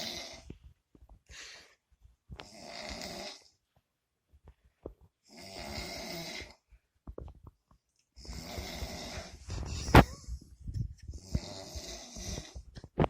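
Rough, rattling snores come in uneven bursts, some longer and louder than others, in a quiet small room. Snoring during sleep.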